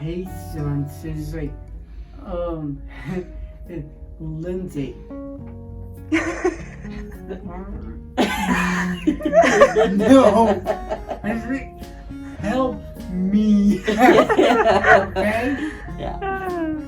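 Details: Adult man with aphasia after a stroke, who initially could say only single words, speaking with word-finding pauses; aphasia.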